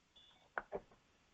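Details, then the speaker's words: Two short, soft electronic chirps in a quiet room as a Feellife AirICU Max+ portable mesh nebulizer powers on after the medicine cup is plugged into its controller. "And I'm going to take this medicine cup uh and I'm going to plug this into it. So, now we're we're on and we're operating through this."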